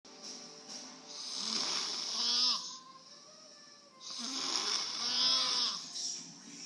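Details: Snoring while asleep on a couch: two long, whistling, raspy snores about 20 a minute, with faint music in the room.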